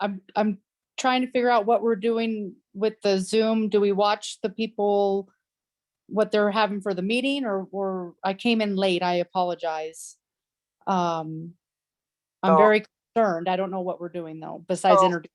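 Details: Adult woman speaking; normal voice.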